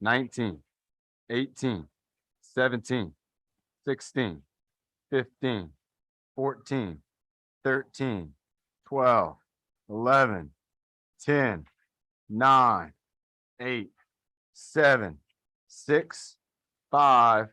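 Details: Adult male speaker; typical speech.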